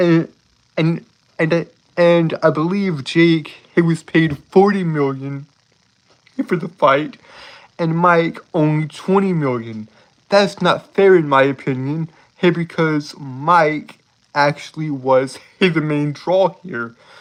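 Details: Man with a self-reported speech impediment; speech impediment with repetitions.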